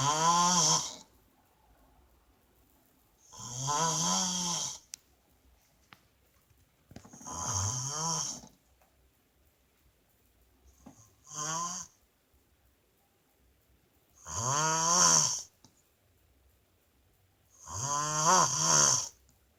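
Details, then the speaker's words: Loud, buzzing, tonal snores from an adult woman (wife) asleep, on the in-breath, about six in twenty seconds with quiet pauses between; heavy snoring. "Part two. She's snoring again."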